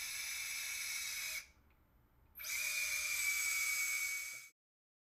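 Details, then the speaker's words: Power driver inserting anterolateral then anteromedial guide wires for 7.3 mm cannulated screws in anterior-approach ankle arthrodesis, foot in neutral to slight dorsiflexion: high-pitched whine in two bursts with a short pause. "first the guide wire for the anterolateral screw is inserted the antrom medial guide wire is then inserted"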